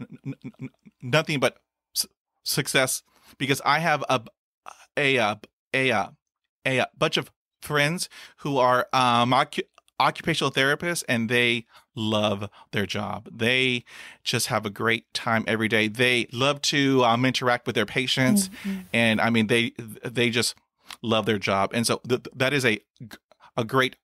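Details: Adult male who has stuttered since childhood, reporting sound repetitions, blocks with closed eyes and stopped breathing, and heavy breathing on attempted words; stuttering.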